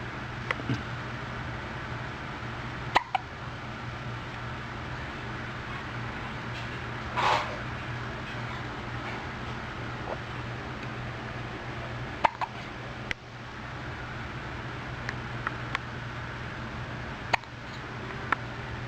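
Brief sharp clicks recurring every few seconds against steady room hum, fitting hiccups.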